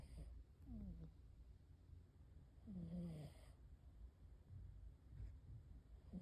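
Soft, low rumbling breaths with faint squeaky whistles at regular intervals, a sleeping cat snoring quietly.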